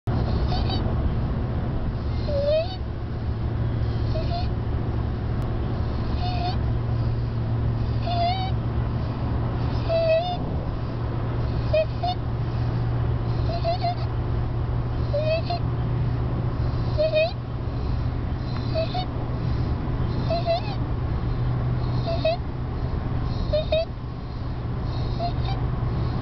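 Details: A 2-year-old child with stridor due to laryngomalacia has a regular high-pitched squeak on each breath in, about 32 a minute: inspiratory stridor.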